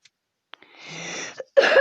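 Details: A drawn-out throaty breath, then one loud, harsh cough burst at the end, from a gamer who apologises for coughing while playing and commentating.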